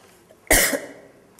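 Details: An adult gives a single sharp, forceful cough with a brief trailing tail; cough.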